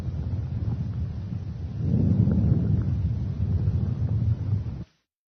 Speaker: over peripheral lung fields from the clavicles to T9 you should hear vascular sounds they are soft low pitched rustling sounds that are longer on inspiration than expiration they sound like this